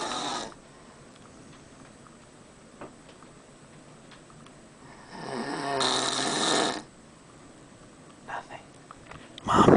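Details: Dad snoring on a cruise to Alaska: loud rattling snore on one in-breath with quiet room noise; snoring.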